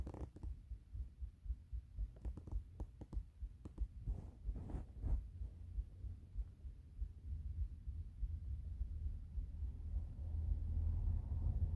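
Low gurgling, rumbling and clicking sounds that come and go, then a sustained low rumble; stomach rumbling from hunger, a normal finding.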